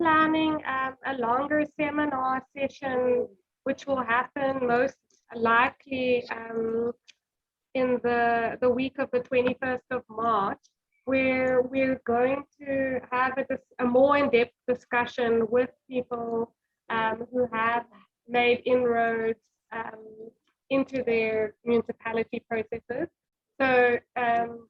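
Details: Adult speaker; normal speech.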